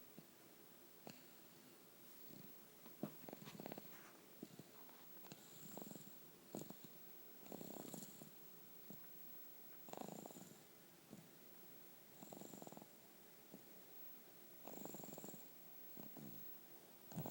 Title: Snoring baby